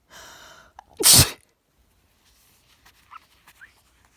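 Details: Allergy sneeze sprayed onto a mirror: a drawn-in breath, then one loud explosive sneeze, followed by quiet.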